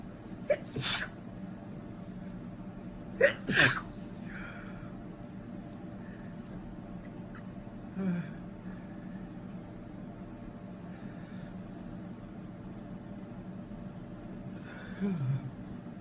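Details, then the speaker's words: Man with a cold sneezing: two sharp sneezes close together with catching in-breaths, then fainter breaths and a stifled sound over steady background hum; repeated sneezing with a cold. "So, we've moved into our own place, and unfortunately, my boyfriend got a cold. Fortunately for me. And when he does tricky with a cold, he sneezes a lot more."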